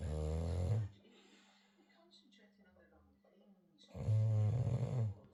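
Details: Loud, rattling, deep snores on inspiration with quiet gaps, from a sleeping Olde Tyme Bulldog, described as quiet for this dog; snoring.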